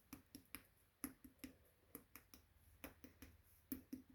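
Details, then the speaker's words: Abdominal percussion during a physical exam with the patient lying supine, after no abdominal bruits were heard: quick finger taps give a hollow, drum-like tympanic note over gas-filled bowel. "i hear timpani"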